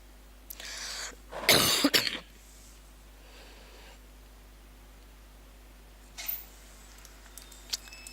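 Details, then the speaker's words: An adult teacher gives a short run of two or three sharp, dry-sounding coughs, then a quieter one, while teaching a live online class. "आज online वाले मेरी आवाज से ज्यादा मेरी खांसी सुन रहे हैं।"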